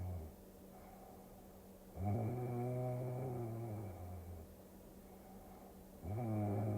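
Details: Snoring sounds mixed with a Tokyo cruising scene for relaxing ASMR: long, droning, buzzy breaths every few seconds over a steady low background hum; snoring.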